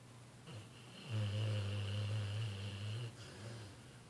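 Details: Tired male sleeping after New Year fireworks finally stopped, snoring: one long, low, rumbling snore on an in-breath, with quieter breathing before and after.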